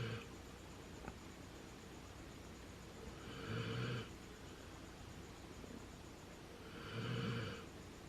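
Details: Dog asleep next to another dog: two soft, low rumbling snores about 3.5 seconds apart over steady room noise, about 17 a minute; snoring.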